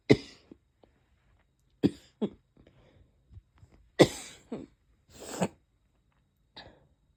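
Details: Several sharp, explosive sneezes mixed with barking coughs, with short gaps and quieter breaths between, lingering after a cold; chest hurts badly.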